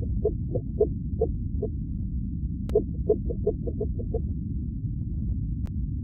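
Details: Fetal heartbeat recorded March 30, 2021 with a home doppler: fast, regular pulses at about 148 beats a minute, normal fetal heart sounds.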